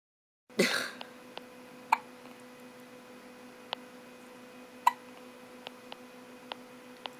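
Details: Baby with hiccups recurring for about the third time today: soft, sharp hiccup sounds at irregular intervals, about ten in seven seconds, in a quiet room.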